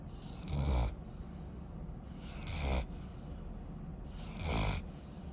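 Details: Sleeping Rottweiler puppy snoring: three low rumbling snores about 2 seconds apart, each ending in a soft hiss, roughly 30 breaths a minute.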